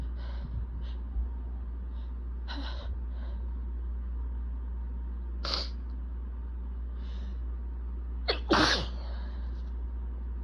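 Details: Allergic sneezing with itchiness and building nasal congestion: soft sniffles and a quiet sneeze, then a sharp, forceful sneeze near the end over a steady low hum.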